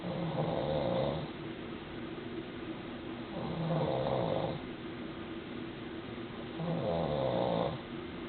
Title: Daddy snoring and mommy bugging baby in womb 31 weeks pregnant